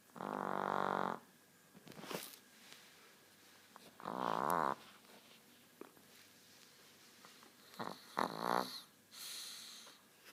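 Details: Nine-year-old Chihuahua with a short snout who snores constantly: short, high-pitched whistling snores over several breaths, with snuffling between them.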